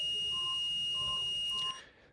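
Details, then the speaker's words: Loud continuous high-pitched defibrillator tone synchronizing to the ECG R wave before cardioversion shock in a sedated adult with atrial fibrillation after aortic ascending aneurysm repair surgery; real procedure. "so that beep that you hear there that loud continuous tone beep that means that the machine that's going to deliver the shock the defibrillator device which you can't see in this picture it's off the edge of the bed here this is the wires that run to it that means that it's synchronizing to the r wave on the EKG"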